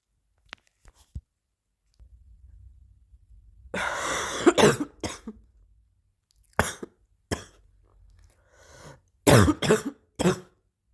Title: new cough 3